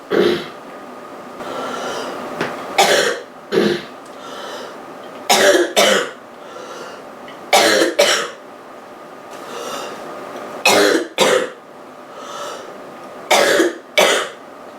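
Repeated harsh, rough coughs, mostly in pairs, about six bursts in fifteen seconds, with breaths between; a rough cough from a common cold.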